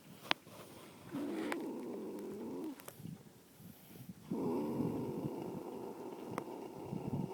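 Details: Two long, low, fluttering breath sounds with a pause between; snoring in a resting mare tired after a hard morning at natural horsemanship class.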